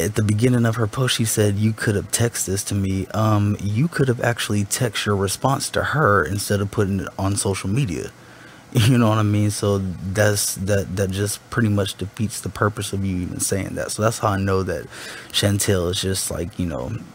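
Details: Adult speaker; no speech disorder.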